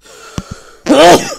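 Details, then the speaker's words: An adult announces he is about to sneeze while playing a video game, then gives a short indrawn catch and one loud, explosive sneeze. "looking at last video i realized that i uh you can hear me sneezing really easily and i apologize for that it's actually really annoying"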